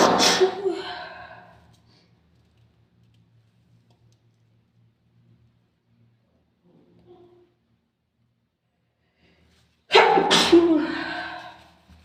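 Two forceful, explosive sneezes about ten seconds apart, muffled into a tissue, with near-silence between them.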